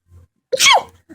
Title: Sneezing